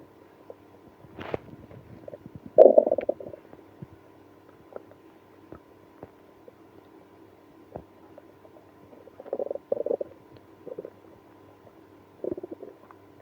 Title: Drinking milk and prune juice when having ibs (stomach growling, moaning)